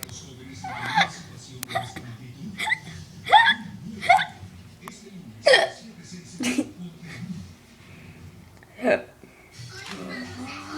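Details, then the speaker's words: Small pet dog with hiccups: sharp, brief gulping catches about every second or two over quiet room noise and faint chuckling; hiccups. "This is me with the hiccups."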